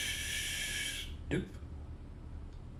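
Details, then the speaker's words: Vocal imitation of the aortic stenosis murmur: a crescendo-decrescendo systolic sound that builds to a peak at peak systolic pressure and fades before the aortic valve closes. "here we have the aortic stenosis murmur which is crescendo it starts as the pressure builds up and then it reaches a peak at the peak systolic pressure and it comes down before the aortic valve closes"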